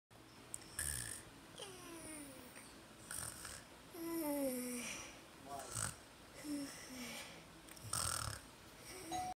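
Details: Soft snoring breaths with high, squeaky nasal whistles gliding downward; snoring with nasal whistling.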